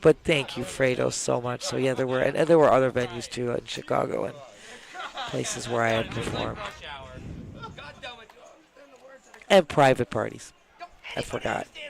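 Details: Dysphonia in an adult woman, a former singer: after cancer, growths were found in her throat and her vocal cords were cut; she could not talk for about a year, had laryngitis, and has lack of saliva.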